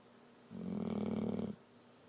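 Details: Girl making a deliberate fake snore while awake, a habit she has long had: one snort-like, throaty rumble about a second long, not true sleep snoring.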